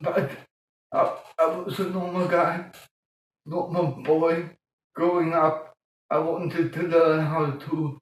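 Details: Adult man born 1958 with mild cerebral palsy from lack of oxygen at birth; childhood speech problems later eased by music-aided breathing changes; dysarthria (cerebral palsy).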